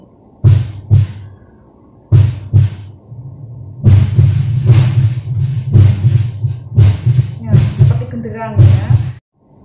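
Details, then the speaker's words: Heart sounds with an irregularly irregular rhythm, played as a teaching example of atrial fibrillation during thoracic examination practice. "banyak juga bunyi norma-norma atrial fibrilasi Contohnya seperti ini"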